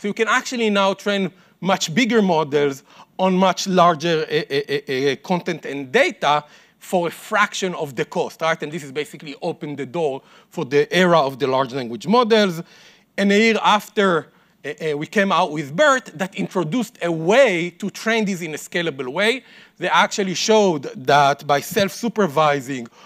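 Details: Adult man speaking; normal speech.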